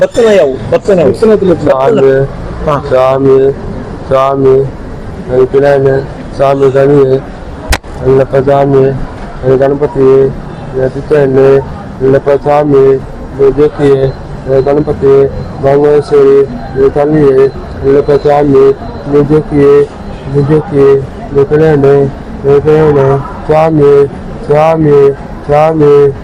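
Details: 17-year-old boy, non-speaking since childhood and previously communicating only by hand signs; an ear problem was found, and treatment and a hearing aid brought no benefit; halting, stammering, partly unintelligible chanting; speech of a deaf speaker (hearing-loss speech).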